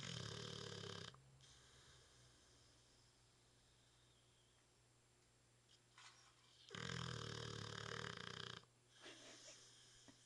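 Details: Victorian Bulldog asleep on his back on a couch, loud rough rattling snores with a silent gap of about five seconds before snoring resumes; owner suspects sleep apnea.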